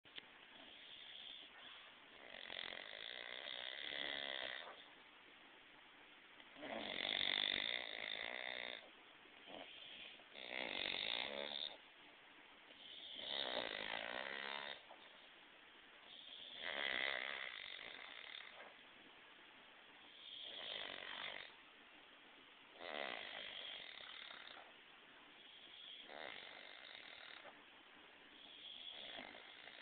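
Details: Two animals nap together, giving rhythmic raspy snores at roughly 18–20 a minute, with the snores of the two sleepers overlapping.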